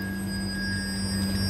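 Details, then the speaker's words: Steady high-pitched electronic tone over a low hum as a BPL 2509 defibrillator charges to full energy, with paddles on sternum and apex, before a 100-joule shock in a demonstration of defibrillator operation for ventricular fibrillation. "Then अब यहाँ से charge करेंगे, ये charge का button है, ये हमने charge कर दिया।"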